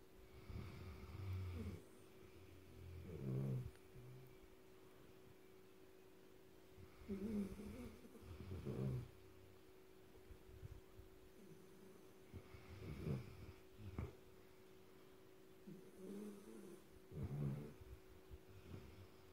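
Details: Black Labrador puppy, one of three, sleeping: regular low, fluttering snores about one every five seconds with quiet pauses between; ordinary snoring.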